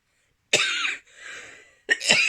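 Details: Productive cough: a wet, phlegmy cough.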